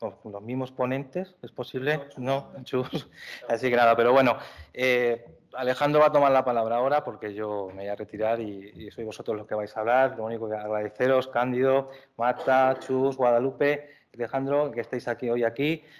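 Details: Adult male speaker; typical speech.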